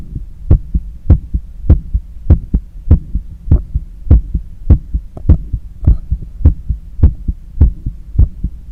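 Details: Regular, quick lub-dub heartbeat of about 100 a minute with clear first and second sounds, heard on auscultation during cool-down after a long run, with visible neck veins and pulse; normal heart sounds, raised post-exercise rate.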